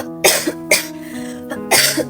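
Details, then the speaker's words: Person with a relentless dry cough that causes restlessness and cuts sleep to 2–3 hours a night: a dry cough. "Lately I had a hard time focusing on things to do because of this. [umuubo] Yes, my relentless cough."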